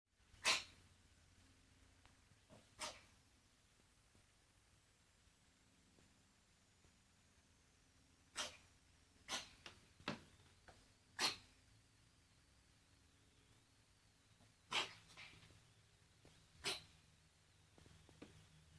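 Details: Dog coughing, recorded 11/1/2015 at 10:13 AM: short, sharp coughing bursts, some in quick pairs, across a quiet room; cough.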